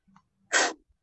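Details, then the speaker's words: Huffing demonstration for effective cough training: a faint intake of breath, then one forceful open-throated breathy puff of air pushed from the abdomen through the airway, a huff, not a cough. "lalu ditekan seperti itu. Jadi bukan dibatukkan, tetapi didorong oleh perut melalui saluran nafas udaranya."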